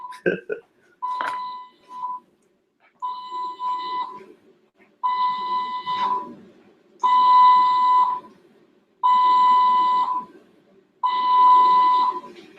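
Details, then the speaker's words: In a hospital during a podcast recording: repeated electronic beeps about every two seconds, growing louder, from a bedside monitor alarm, prompting a call for the nurse. "Oh, look, there's the beeps. Hold on. Let me call the nurse real quick."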